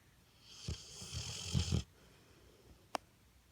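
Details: A sleeping, dreaming Pit Bull: a rough, fluttering snore as he breathes in, then quiet with a brief click; ordinary snoring.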